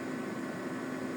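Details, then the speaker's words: Steady mechanical hum with a constant low tone as the air compressor of a Prunus Boaray 3000D ventilator runs during installation and calibration, building pressure to about 395 kPa; ventilator compressor running. "nah ini dia lagi running tekanan sampai kurang lebih 395 KPA"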